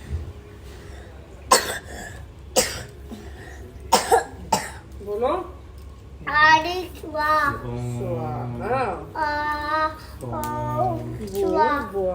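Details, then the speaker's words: School-age boy with a cold and severe cough: several short, sharp coughs, then the child talking and sing-song voicing over steady background hum; cough. "और को बहुत तेज खासी हो रही है यह जा ही रहा था तो फिर इसने याद दिला दिया कि मम्मा खासे की दवाई दे दो"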